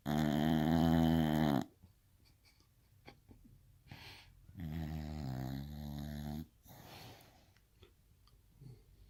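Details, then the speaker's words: Sleeping female bulldog snoring "like a man": two loud, rattling inspiratory snores with quiet breathing between them. "girl snores like a baby. Holy crap, I don't think I snore that loud."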